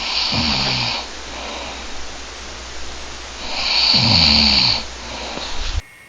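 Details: Two loud snores from an adult man, each a low rattling flutter over hissing airflow, about 3.5 seconds apart with quieter breathing between; snoring.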